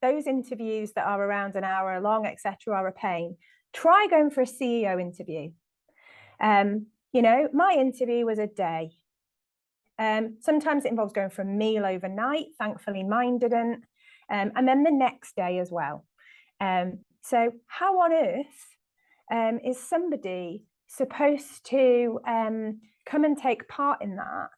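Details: Adult woman; typical speech.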